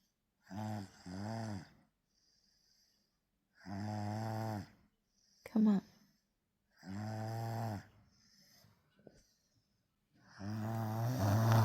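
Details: Baby snoring while asleep: loud, rattling, voiced snores on each breath, about four in ten seconds, with quiet pauses between; infant snoring.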